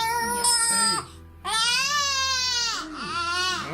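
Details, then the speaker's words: Colicky baby girl, worse at night, crying during a chiropractic visit, allowing the palate and gums to be checked: loud, high-pitched, sustained wails with short breath pauses, faint music behind; vigorous infant crying. "yeah it's all right i don't mind too much if she cries for a minute because it actually allows me to see inside her mouth and check her palate and her gums"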